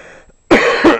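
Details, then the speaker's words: An adult who says they do not feel 100% gives two loud, harsh cough bursts after a brief quiet stretch with faint room noise; an ordinary cough. "and I apologize for the coughing I don't exactly feel 100% so anyway"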